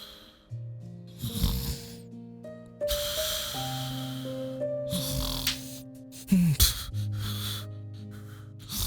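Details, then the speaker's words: Acted adult snoring in a Telugu short film scene: low rumbling snorts over steady background music while a friend complains he isn't listening. "ఏం [గురకలు] చేస్తున్నావ్ రా నేనేం చెప్తున్నా నువ్వు ఏం చేస్తున్నావ్ సరే చెప్పు ఏంటో [గురకలు] చెప్పు రేయ్"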